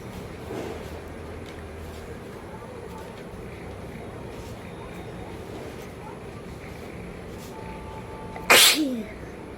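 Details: A single sharp, loud sneeze after quiet room noise, from a woman tickling her nose with paper during a nose-blowing sneezing challenge; her eyes are watering.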